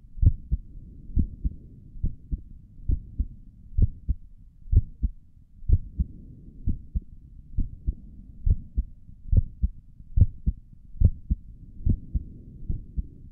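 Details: Own heartbeat through a stethoscope on the chest, ASMR recording: soft, steady paired thumps at about 71 beats a minute; normal regular resting heartbeat.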